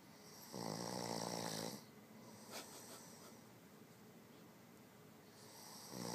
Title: Ruger Red sleep and snoring!!!!